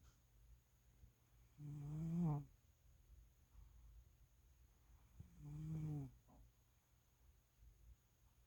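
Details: Two loud, low, rattling snores from a cat sleeping deeply during a nap, about 16 breaths a minute.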